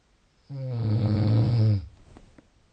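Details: Snoring: one low, rattling, buzzy breath lasting over a second, a snore from vibrating throat tissue during sleep.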